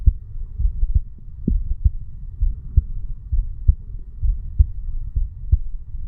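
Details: 35-year-old male's self-recorded heartbeat at the bicuspid (mitral) valve area while sitting on stairs: regular low lub-dub thumps at about 65 per minute over a faint hum, no added sounds; normal heart sounds.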